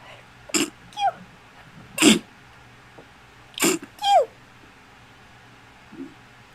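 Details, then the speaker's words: Several small, high-pitched, kitten-like sneezes from a pet in two pairs, soft and perfectly normal: ordinary harmless sneezing. "We are done with Russian I was Optimus. busy sneezing. Perfectly normal sneezes. It sounds like a little ki"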